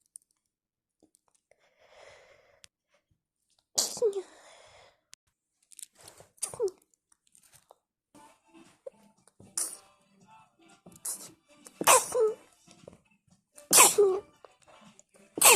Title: Wet and messy sneeze attack (can someone tell me how many times I sneeze?)